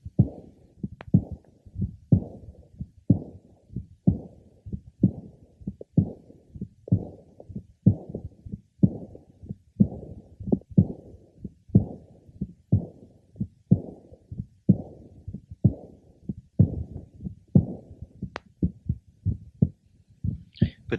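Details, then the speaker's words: Patient with localized dilation of the ascending aorta and mild left ventricular enlargement: high-pitched aortic diastolic murmur and aortic systolic ejection click, about 62/min; the click can mimic a split first sound but does not decrease with inspiration. "he has a typical high pitched aortic d murmur note the aoic systolic ejection sound which can be confused with a split first sound it does not decrease in intensity with inspiration"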